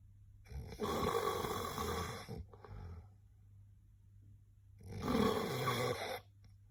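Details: Person recording their own sleep; two loud, harsh rattling snores with a quiet pause between. Heavy snoring.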